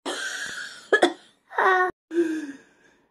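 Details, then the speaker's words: Acted, simulated coughing fit: harsh bursts and strained, high-pitched noisy breaths imitating whooping cough (pertussis). "look I've just been to the doctors and I actually have the hoop and cough"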